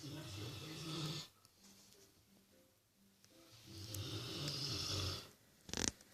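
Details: Rottweiler snoring while dreaming: rough snoring breaths with soft whimpers in between, then a brief noise.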